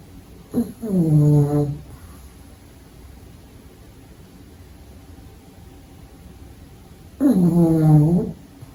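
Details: Two loud, nasal, rattling snores several seconds apart, with quiet breathing between, from a pug puppy sleeping during the day; ordinary snoring.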